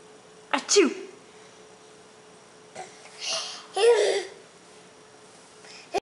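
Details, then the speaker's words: An adult, the mother, gives sharp sneeze bursts while a baby laughs between them in a small room. "oh why do you think sneezing is so funny"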